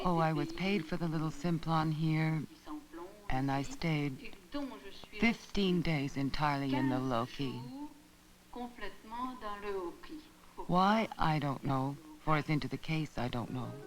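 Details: Wernicke's (fluent) aphasia in a woman, with phonemic and verbal deviations and neologisms (non-words).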